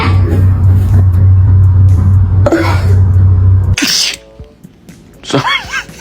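Loud music, then one sharp burst of a human sneeze, followed by a cat's meow.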